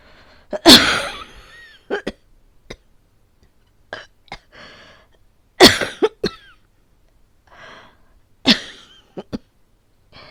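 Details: Repeated bouts of loud, dry coughing with brief gasps between, performed by a female voice actor, simulated not real illness; cough.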